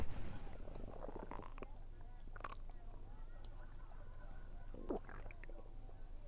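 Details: Stomach rumbling recorded while eating, which the recorder attributes to low atmospheric pressure. Soft low gurgling and rumbling with a few faint clicks, possibly chewing: bowel sounds (borborygmi).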